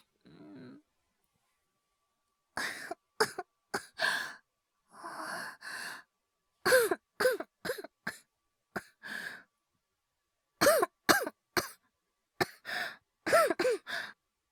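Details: Acted, wordless cough performance by a male voice actor, all simulated: a brief groan, then clusters of short dry coughs, some strained and breathy, portraying illness, with hyperventilation also in the set; imitated cough.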